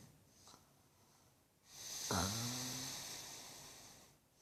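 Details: Adult woman snoring in sleep: one breath with a brief, whistling, snort-like snore over a hissy, airy rush.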